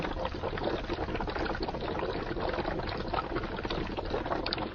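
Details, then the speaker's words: Steady, continuous bubbling of air through water in a chest drain water seal chamber; persistent bubbling confirms an ongoing air leak from the patient's thoracic cavity or possibly the tube connections. "bubbling observed in the Water Seal will confirm a persistent air leak in either the patient's thoracic cavity or possible tube connections"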